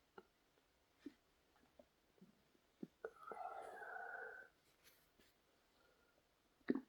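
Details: Adult male's stomach: quiet gurgles and clicks, then a sustained rumbling growl of about one and a half seconds, stomach growling (borborygmi) from digestion.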